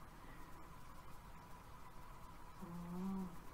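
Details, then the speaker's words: Quiet room with one low, rumbling snore from a sleeping male cat, likened to an old man; snoring. "Can you hear that cat snoring?"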